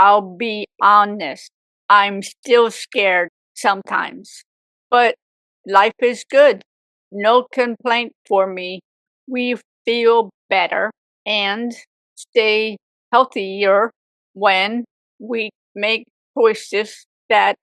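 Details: Woman with aphasia for 18 years after a severe stroke at age 44, also left with apraxia; aphasia.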